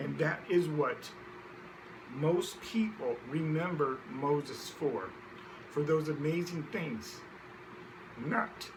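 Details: Adult man who identifies himself as a person who stutters. Stuttering.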